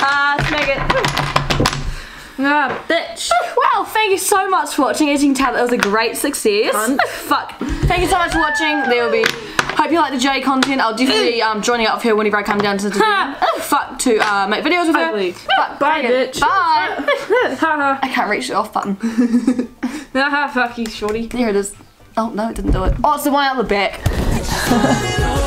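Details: Adult speaker; Tourette syndrome vocal tics (coprolalia).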